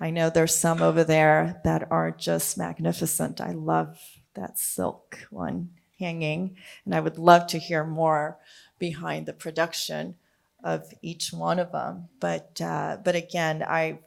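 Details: Adult speaker; normal conversational speech.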